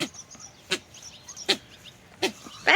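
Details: Baby goats sneezing repeatedly after being sprayed with mosquito spray: several short, sharp nasal bursts.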